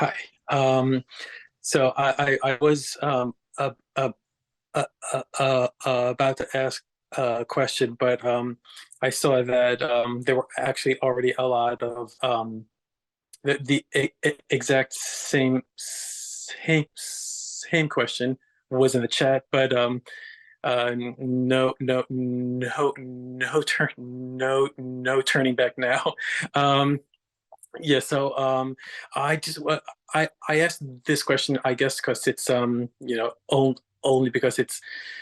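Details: Audience member asking a question about dating someone who stutters; repetitions audible; stuttering.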